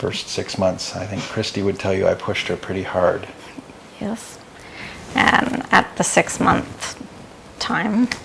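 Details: Adult male speaker; normal speech.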